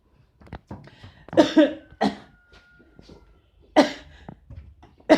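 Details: Father's series of about five loud, harsh adult coughs in a small room, with his 32-month-old son reacting.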